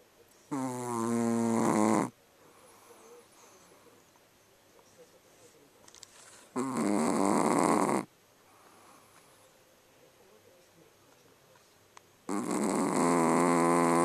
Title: Zero hard at work. Snoring puppy